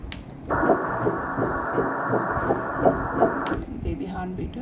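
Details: Rapid rhythmic whooshing ultrasound pulses, roughly 160–170 a minute: a normal fetal heartbeat at about 10–11 weeks in a healthy natural pregnancy conceived after three failed IVF cycles.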